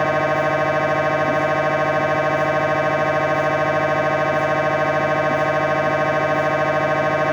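Loud, steady, rapidly pulsing electronic buzz with a fixed rhythm, the typical knocking drone of an MRI scanner during imaging.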